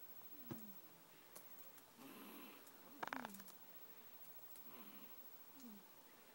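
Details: Sleeping cat snoring softly, about 22 breaths a minute, with faint clicks and light room noise.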